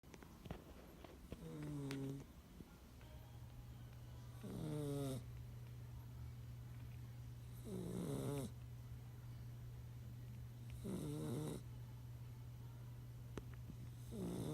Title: Titus 9 week pitbull puppy snoring